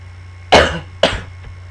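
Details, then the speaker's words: Two short, sharp coughs from an adult man who says he is sick with a hoarse voice, while commentating a video game, with steady background hum; cough. "Angel Destinity, déjà, excusez-moi pour ma voix, je suis malade. Excusez-moi si je tousse."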